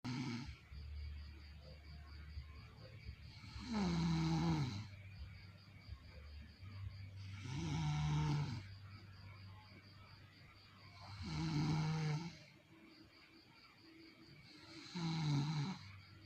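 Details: Loud, rough snores from the speaker's mother on each in-breath, about 16 a minute, with quieter breathing between and a faint steady hum; snoring.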